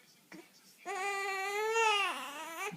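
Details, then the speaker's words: A fussy infant with hiccups, being talked to by dad, gives a single sustained whiny cry with steady pitch dipping briefly near the end; fussy, not distressed, crying. "was really whiny. Oh, you're getting mad. It's okay. It's okay."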